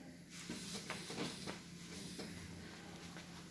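Steady airy hiss with a few soft bursts as a mechanical ventilator powers on and starts up, with faint room noise.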